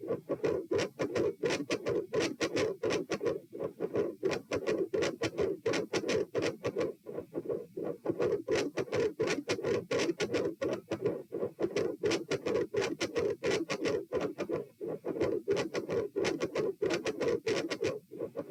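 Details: Loud, harsh, scratchy mid-systolic murmur recorded at position P with the patient supine, heart rate 90 bpm, getting louder and swelling and fading in phases.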